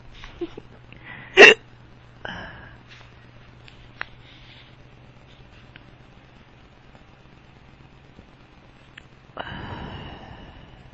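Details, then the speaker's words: Drunk adult man with persistent, powerful hiccups that hurt his stomach, also some burps; two or three sharp hiccups over quiet room noise, breathy sound at end. "You have the hiccups. Ow. Oh. I'm drunk. Oh. My hiccups sound weird."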